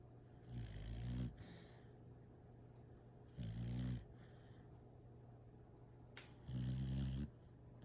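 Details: Sleeping female dog with her tongue out, snoring: three low, rattling snores on inward breaths, about 20 a minute, over quiet room hum.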